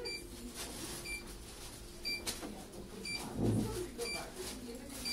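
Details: Therapy laser beeping during laser rehabilitation after plate-and-screw fixation of a humeral head: short, high beeps repeating about once a second over room noise and faint talk.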